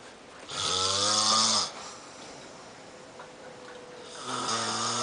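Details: Snoring: two loud, buzzing snores on in-breaths, each about a second long, separated by quiet out-breathing.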